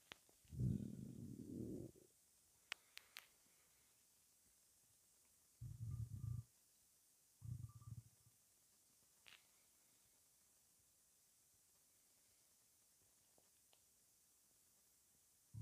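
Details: Three low gurgling rumbles separated by quiet gaps: stomach rumbling (borborygmi) of an empty gut after 23 hours without food.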